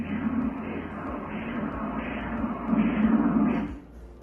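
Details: Rhythmic whooshing Doppler pulses from the uterine artery at 13 weeks of pregnancy, a normal flow pattern, checked in screening for pre-eclampsia.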